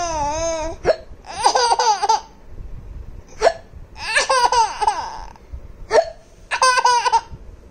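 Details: Laughing baby with hiccups: three sharp, abrupt hiccup catches, each followed by bursts of giggly laughter; hiccups interrupting laughter.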